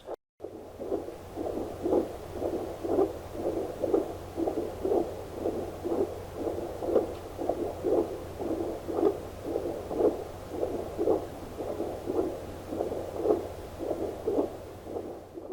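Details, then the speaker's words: An adult's heartbeat picked up by a cheap handheld fetal Doppler placed on the chest under the shirt: rhythmic whooshing pulses at about 60 per minute, although the device display read 123. "it's a little Doppler machine and I'll show you what it does you just turn it on and put the volume up and you probably can just about hear the noise but if I take this and put it on my chest under my shirt"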